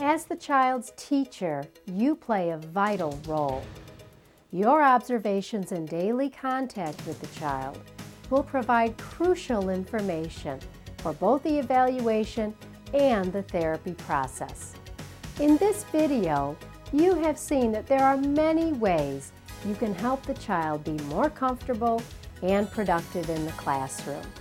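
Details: Adult female narrator; normal speech.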